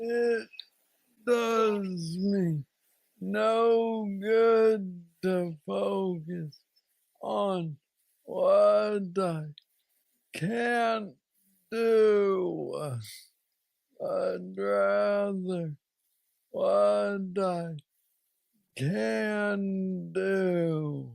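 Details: Adult man with Parkinson's disease diagnosed at age 35, about nine years ago, a form he calls the most aggressive he knows, treated with an implanted brain neurostimulator; hypokinetic dysarthria (Parkinsonian speech).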